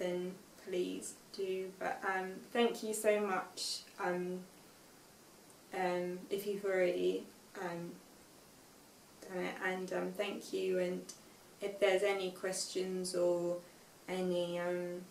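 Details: Aphasia with reading difficulty in a young woman, 5 years after a stroke at age 18, reading an unseen text aloud with word errors and self-corrections.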